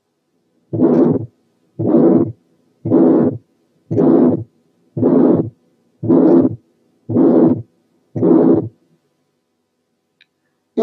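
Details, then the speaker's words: Congenital pulmonary stenosis: regular harsh ejection systolic murmurs at about 57 a minute with a split second sound whose pulmonary component is weak. "طبعا سبيت والسكند كومبوننت ضعيفة لانها حالة congenital pulmonary stenosis."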